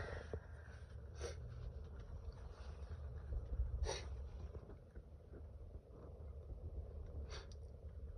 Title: Stifled Allergy sneezes